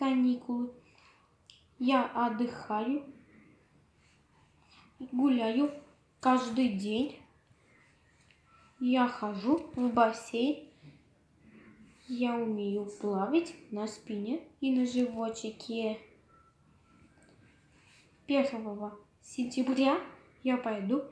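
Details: 10-year-old boy with motor alalia (expressive language disorder), speaking after speech therapy.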